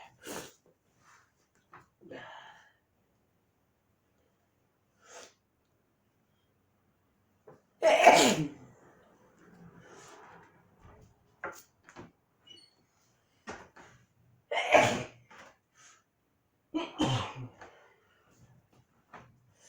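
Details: A person with allergies, insisting they are under control, sneezes three times: loud, explosive sneezes spaced several seconds apart, with quieter breaths and sniffs between them.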